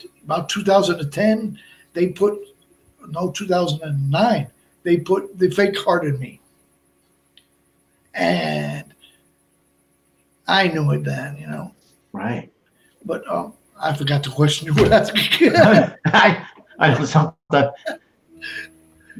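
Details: Adult man with Broca's aphasia for more than 8 years after a stroke in March 2011; he is also a heart transplant recipient. Speech is limited to short utterances, with laborious word-finding and more difficulty with verbs than nouns.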